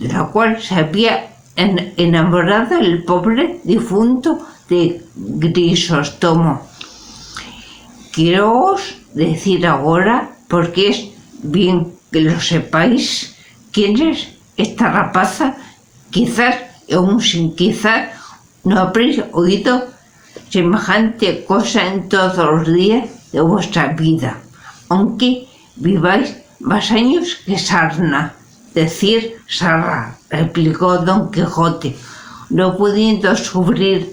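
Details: Spanish-speaking adult with aphasia, a member of an aphasia association, reading Don Quijote chapter XII aloud in a pre-recorded session; aphasia.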